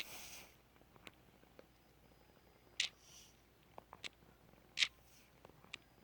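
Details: Left ear popping from Eustachian tube clicking: sharp, brief clicks and pops at irregular intervals over a quiet background.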